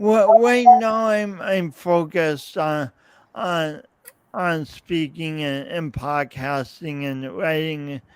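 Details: Stuttering, self-described speech impediment with coordination differences, present since at least seventh grade, in an adult male podcast host.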